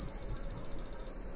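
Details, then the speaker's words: Apex locator function check before root canal length measurement, file holder touched to the rubber dam clamp bow: fast, steady high-pitched electronic beeping confirming the device works. "going to make sure that i get this beeping sound here and we can see on the reading how it's going all the way up so we know our apex located everything is working properly"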